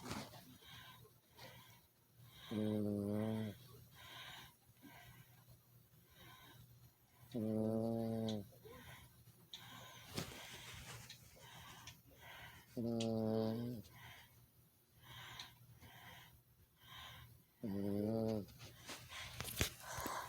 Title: Chihuahua snoring lol